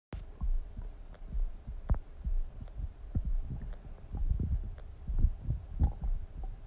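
Low, irregular gurgles and rumbles coming in uneven waves, with soft pops; ordinary stomach rumbling, a normal finding.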